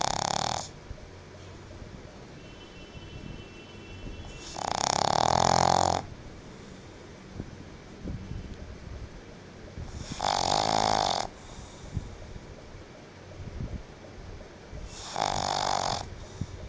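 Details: Female pet pug snoring while sleeping in the cool air-conditioner breeze after a long day: loud rattling snores about 14 a minute with quieter snuffling between, typical flat-faced dog snoring.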